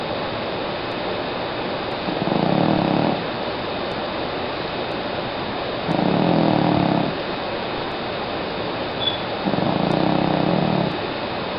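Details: Three loud, rough, rumbling inhalation bursts about every 3.5 seconds, roughly 17 breaths a minute, over steady room hiss, from a sleeping female cat around 13 years old; snoring.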